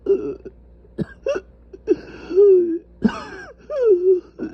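Short, tight coughs with strained, groaning voiced sounds between them; coughing from severely inflamed airways.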